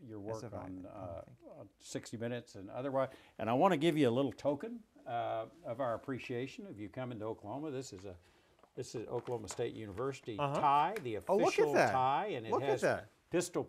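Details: Adult male speaker; typical speech.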